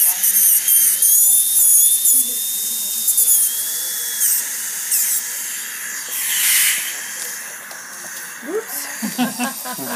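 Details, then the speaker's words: High-pitched whine of a dental handpiece rising and falling as a needle-tip finishing bur contours a composite filling of a class V abfraction lesion, placed with a margin matrix, with some room noise. "now I'm going to polish this up I use a needle tip finishing bur light is that better yeah a light good"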